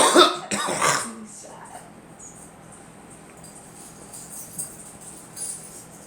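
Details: Two or three loud coughs followed by quiet room noise and faint movement, from a person and a girl who mention allergies and trouble breathing during drywall and paint work.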